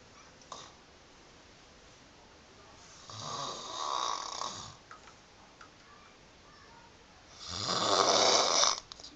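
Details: Chronic snoring in a sleeping woman with loose "fish" lips, filmed to show her odd sleeping style: loud, rattling, fluttery snores on the in-breath with lips flapping, quiet pauses between; snoring.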